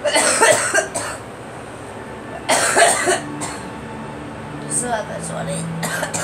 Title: Girl coughing